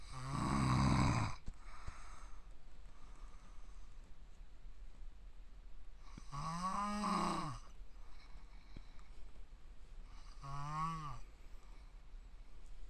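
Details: Adult man, self-described "tanuki dad," in deep sleep who does not wake even when hit or eyelids forced open: loud, squealing, wailing snores, three in about twelve seconds, faint room noise between; heavy snoring.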